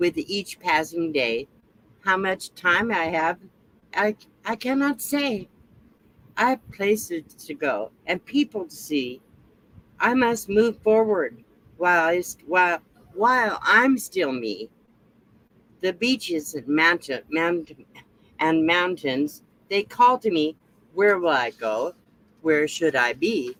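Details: Adult woman reading aloud after a recent stroke, her second; a stroke about 7 years earlier also affected only her speech. Slowed speech with stumbling, repetitions and word-finding difficulty: aphasia after stroke.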